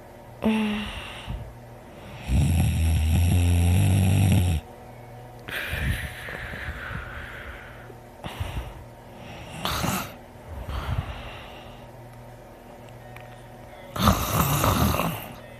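Loud, rattling snores with heavy breathing in between, repeating in a regular sleep-breathing rhythm.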